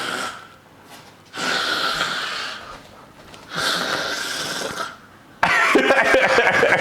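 Three long, harsh, rattling snorts drawn through the nose, then a noisy burst, consistent with snorting up phlegm from nasal congestion.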